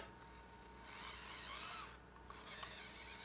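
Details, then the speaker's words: Homemade 3D-printed BiPAP ventilator prototype with adjustable frequency, turned up fast: rapid mechanical whirring and ratcheting as the valve motor cycles far faster than a realistic breathing rate. "So it blows clean air in one side and it allows you to exhale on the other. It does this, and the frequency is adjustable here."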